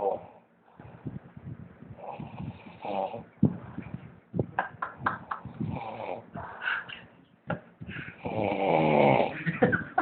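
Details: Man snoring in sleep: irregular snorts and rattling breaths ending in one long, loud, rough snore, with faint background sound.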